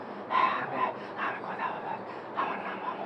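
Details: Acted imitation by a physiotherapist of a hoarse voice, a raspy, breathy voice disorder attributed to vocal cord nodules or strain: hoarse voice (imitated).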